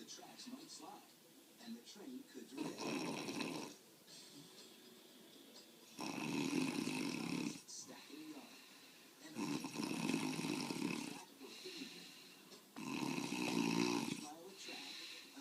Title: My dad snoring (with commentary)